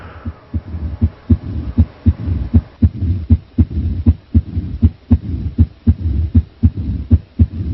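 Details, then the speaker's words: Mitral stenosis attributed to rheumatic fever: regular heartbeat near 79/min with an opening snap and a low rumbling mid-diastolic murmur filling the pauses. "this is the opening snap and this is the mid diastolic murmur opening stat mid diastolic murmur as the blood squeezes through the heart"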